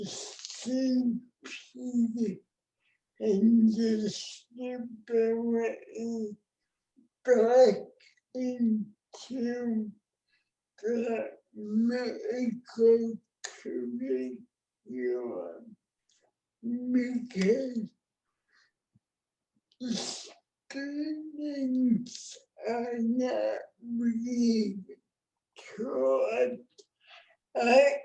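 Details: Adult woman with cerebral palsy, born before the ADA; dysarthria (cerebral palsy).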